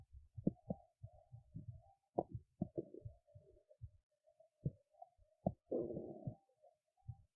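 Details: Belly sounds after skipping lunch, hungry: bubbly pops, gurgles and squeaky rumbles in a quiet room; normal hunger borborygmi.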